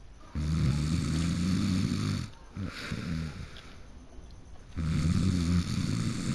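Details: Person who fell asleep mid-game: loud, deep, rattling snores in long drawn breaths, two snoring spells with a quieter pause between; ordinary heavy snoring.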